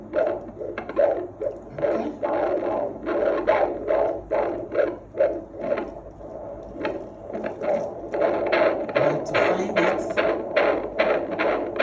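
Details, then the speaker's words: Fetal Doppler at a 29-week twin pregnancy antenatal visit, second twin: fast, regular whooshing beats at 144–146 per minute, a strong, regular normal fetal heartbeat. "This is strong. Very strong heartbeat. 145 146, 144, 145 again. So, these babies are strong with very strong heartbeats."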